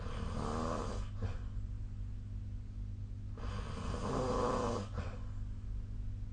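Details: Sleep snoring recorded with the SnoreLab snoring app: two long, rough, rumbling snores on the in-breath with quiet pauses between; steady snoring pattern.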